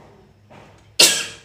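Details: One sharp hissing sneeze after a faint in-breath, fading quickly, possibly deliberately produced, from someone doing a sneezing and nose-blowing challenge.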